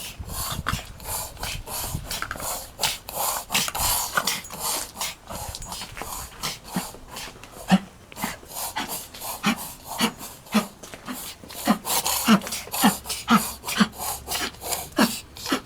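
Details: Dog breathing with rapid, repeated noisy snorts through the nose, suggesting upper airway irritation or obstruction; owner wonders about kennel cough and notes pale gums and dehydration; snorting breathing.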